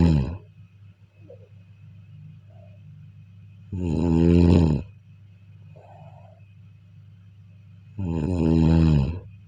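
Two long, loud vibrating snores about four seconds apart over a steady background hum; regular snoring on inhalation.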